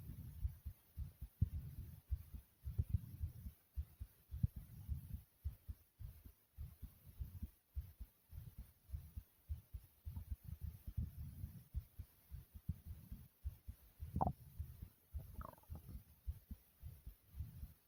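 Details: Person's own heartbeat, described as racing: fast, closely spaced low thumps with some rubbing noise; rapid heart rate (tachycardia).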